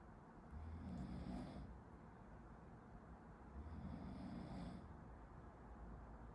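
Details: Person sleeping behind a medical student who is studying, heard in a study-with-me recording: two slow, rough low snores with a faint whistling edge, about three seconds apart, over room noise; snoring.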